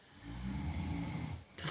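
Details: One long, low, rattling snore on a breath, with a rough fluttering sound throughout: snoring.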